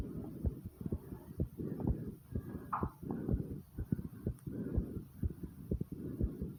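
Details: Fast, strong, forceful low thumps of a pounding heartbeat, with gurgling stomach sounds joining in partway through.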